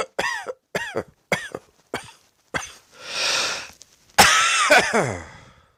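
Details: Cough from a cross-dressing coughing compilation clip.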